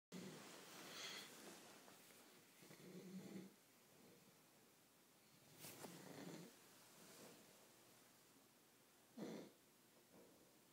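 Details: Snoring during sleep: slow, irregular noisy breaths with a rough rattling quality, a few a minute.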